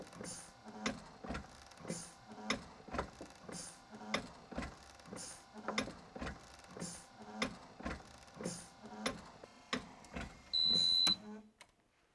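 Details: Regular clacking and whirring cycles about every 0.6 seconds, then a brief steady tone, from the TU Delft Project Inspiration cam-driven invasive mechanical ventilator during monitoring and settings adjustment: mechanical ventilator operating.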